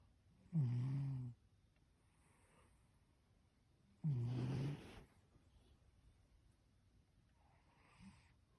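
Two long, low rattling snores about three seconds apart, with a faint third at the end; quiet room between them. Ordinary snoring in a sleeping cat.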